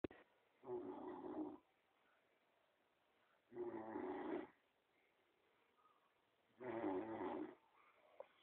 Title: Snoring